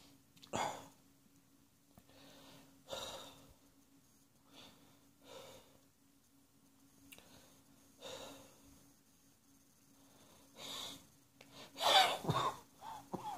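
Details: Spring allergy cough in an adult: repeated short, dry coughs every few seconds.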